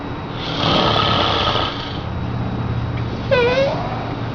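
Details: Father snoring loudly during sleep, loud enough that a baby nearby was frightened by it; snoring.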